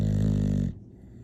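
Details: English bulldog snoring: a loud, rumbling, buzzy breath that cuts off sharply; a heavy snore.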